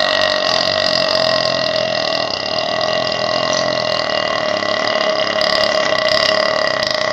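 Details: One loud, continuous, rumbling belch lasting about seven seconds; a prolonged, huge burp.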